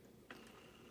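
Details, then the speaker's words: Single sharp click of the start/stop button, then a faint steady mechanical hum as a Baxter Spectrum IQ smart IV pump starts infusing in a patient's room; infusion pump starting. "it says push the start stop button which is this symbol to start the pump so i'm going to push that"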